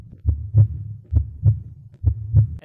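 Simulated normal heart sounds at the aortic area: clear paired lub-dub beats, about 67 a minute.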